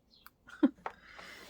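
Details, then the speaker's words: Nasty cough heard in the background from a school-age girl with a cold. "oh you can hear that nasty cough i don't know if you heard that or not but yeah that was savannah in the background coughing"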